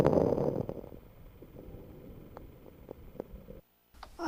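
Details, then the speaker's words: Fine crackles heard on inspiration for NCLEX review: faint, brief, discontinuous explosive popping clicks over soft breath sounds, like salt heated on a frying pan, caused by airway opening. "let's talk about fine crackles these are discontinuous or intermittent ex or explosive sounds they sound like crackling a crackling noise made when salt is heed on a frying pan and they are caused by Airway opening"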